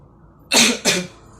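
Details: Demonstration of supported huffing and coughing: two strong, forceful cough bursts in close succession for airway clearance, a supported cough.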